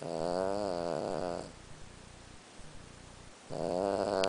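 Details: 14-year-old Lhasa Apso dog snoring nightly in sleep: buzzing, fluttering snores in a slow breathing rhythm, about 17 breaths a minute, with a pause between each.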